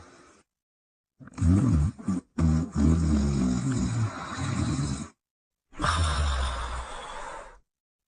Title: Stella Sleeping & Snoring in 2 Minutes & 7 seconds